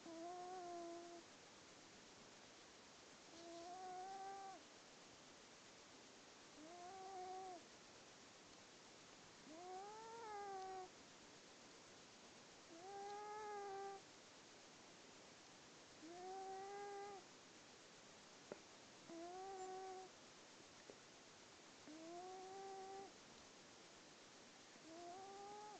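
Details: A cat in deep sleep snores with a tuneful, whining tone about 19 times a minute, once per breath; snoring.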